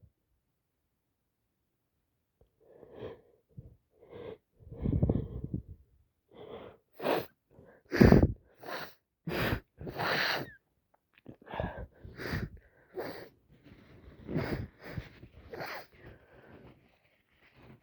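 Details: Repeated sneezing during an allergy attack: a run of forceful, explosive bursts with sharp inhalations between them.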